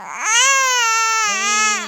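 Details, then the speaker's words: 7-week-old baby boy with hiccups, said to be asking for milk, gives a sustained, high-pitched cry with sliding pitch; infant cry. "不哭啊，不哭啊。"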